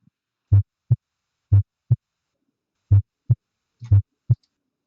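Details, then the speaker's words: Human heart auscultation: two sounds like a knock on a hollow surface, clean paired low thumps about 60 beats a minute with quiet pauses between and no murmur; normal first and second heart sounds. "lo que tienen que escuchar son dos ruidos que simplemente es un golpe sobre una superficie hueca y un río único"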